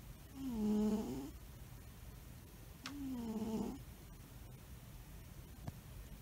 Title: Donovan the Albino Snores Like a Pro!